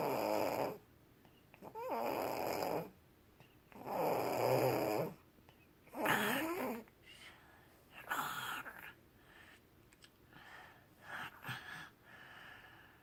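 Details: Person snoring before surgery: loud rough snores in long bursts about every two seconds, followed by softer irregular breathing noises; heavy snoring during sleep.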